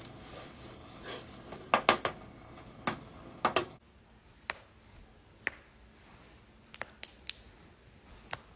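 About a dozen sharp, isolated pops and clicks, some in quick pairs, over faint room noise: joint cracking.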